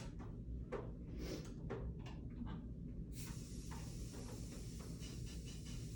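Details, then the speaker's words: Tracheostomy suction unit being tested before suctioning a simulated patient: handling clicks over room rumble, then steady airy hiss as it starts; suction machine running. "So I want to make sure that my suction works."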